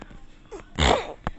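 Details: Person who is either sick or having an allergy attack: a brief indrawn breath, then one loud, explosive sneeze, ending with a short sharp sound; sneeze.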